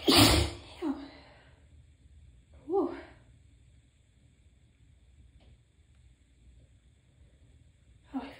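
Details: Tickly sneezing fit: one forceful sneeze followed by further sneezes with short catching in-breaths, a run of repeated sneezes.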